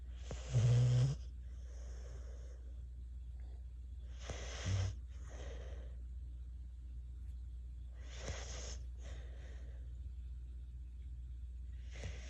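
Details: Snoring in sleep with eyes open: short snorting snores with each breath, about three in twelve seconds, over a steady low hum.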